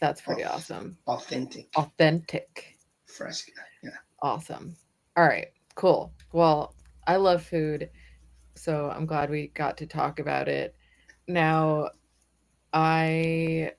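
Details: Adult speakers in conversation; normal voice.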